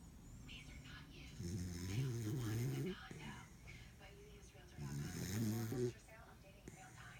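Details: Snoring beagle: two long, rattling snores a few seconds apart, with a television faintly audible in the background.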